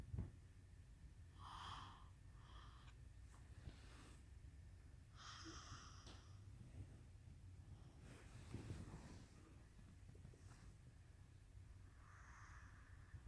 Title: My kid snores better than your kid